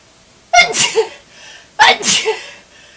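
Two forceful sneezes, each a sharp inhaled catch followed by an explosive burst of air and spray.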